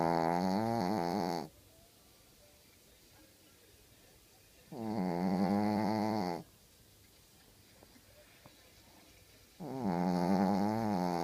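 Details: A dog that snores a lot snoring in sleep: loud, regular, buzzing breaths, about 12 a minute, with quiet pauses between.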